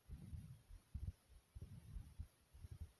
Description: here is my heart thumping from my chest after some jumping jacks.